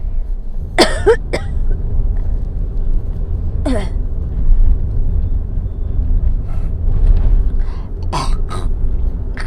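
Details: Woman with asthma while driving: a few harsh throat-clearing bursts, spitting up phlegm, over steady car engine rumble during an asthma episode.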